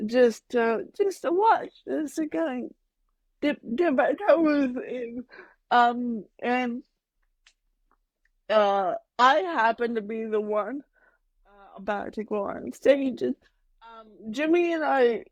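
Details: Adult woman with mild cerebral palsy that she says mainly affects her speech and motor skills, speaking in a podcast interview; mild dysarthria (cerebral palsy).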